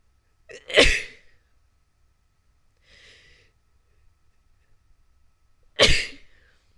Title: sneezing 1